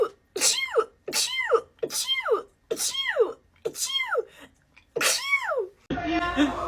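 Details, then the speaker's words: Six loud voiced human sneezes in quick succession, each a sharp burst of air sliding into a falling 'choo'. "I'm gonna sneeze. Achoo!"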